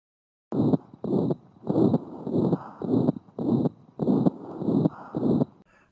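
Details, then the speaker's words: Newborn in the first week of life, teaching example of peripheral pulmonary stenosis: rhythmic heart sounds with a soft blowing murmur on each beat at about 105 a minute, caused by turbulent flow at the pulmonary branch points. "And these 10% size vessels all of a sudden are getting 50% of the flow, and you get turbulence at the branch points which you can hear as peripheral pulmonary"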